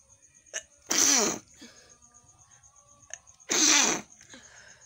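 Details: A person sneezes early in the morning (about 6:30) while feeling unwell, with a tingling nose, during a nose-blowing video. There are two loud sneezes, each after a quick inhaled catch, over a faint steady background whine.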